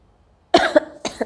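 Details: Sneeze set off by bay leaf (tej patta) in a sneezing challenge: a sudden explosive burst after a quiet stretch, then a smaller second burst, possibly a throat-clear.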